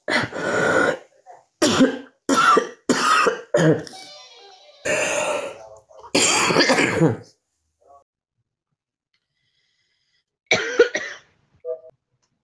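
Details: Woman coughing hard: about eight forceful, harsh coughs in a quick run, a pause, then one last cough, with faint background sound; repeated hard coughing.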